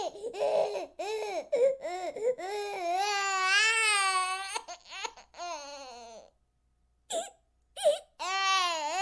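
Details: Baby crying sound effect: high-pitched, rising and falling wails broken by short gasps and catch breaths.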